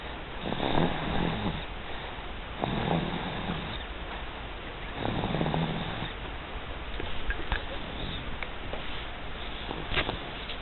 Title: Snoring LIke A Wookie